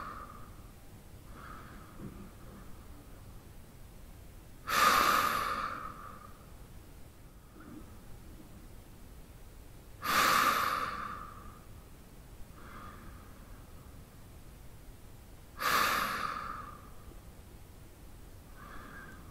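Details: Deep male breathing during sleep: slow, deep, regular breaths about 11 a minute, each with a soft nasal rush; normal breathing during sleep.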